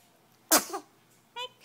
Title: 6 weeks old - sneezes